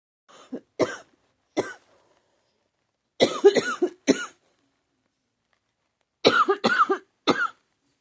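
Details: An adult diagnosed with pneumonia by doctors, feeling unwell, coughs in repeated bouts of about a dozen harsh, partly voiced coughs that hurt: pneumonia cough.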